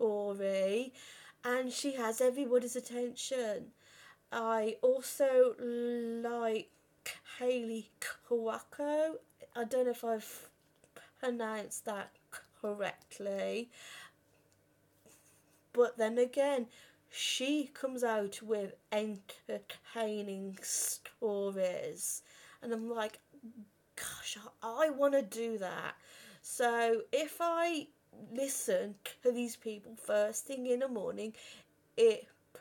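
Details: Adult woman who has stammered since about age five or six; stammering.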